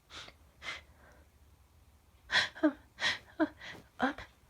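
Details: Woman having sneezing fits after sniffing Chhinkni snuff: quick sharp inhaled gasps followed by several forceful sneeze bursts in a row, in a quiet room.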